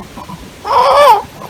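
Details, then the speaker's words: Child with severe laryngomalacia, with arytenoid collapse and the epiglottis falling into the glottis causing dramatic obstruction: high-pitched, crowing, purely inspiratory stridor, with no sound on expiration. "pero es básicamente inspiratoria es inspiratoria inspiratoria o sea durante la aspiración no hay sonido"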